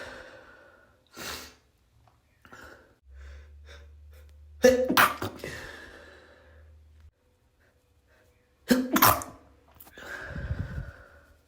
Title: 2 much chinikkni = congested messy sneezes